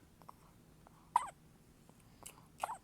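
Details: A baby's first hiccups, recorded 8-3-16: two short, sharp hiccup sounds about a second and a half apart, with faint small noises between them.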